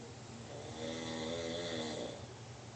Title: snoring